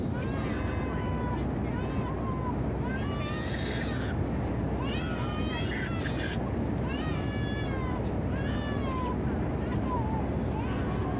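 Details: Infant on a plane crying throughout the flight, with repeated rising and falling wailing cries over a steady low aircraft cabin roar; ordinary crying.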